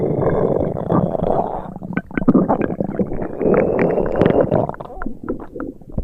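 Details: Simulated upset-stomach sound effect: low, drawn-out gurgling rumbles with bubbling pops, imitating stomach rumbling.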